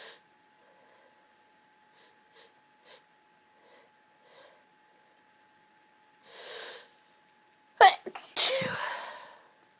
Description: Lots of girly sneezes..... i'm laid in bed surrounded by tissues right now....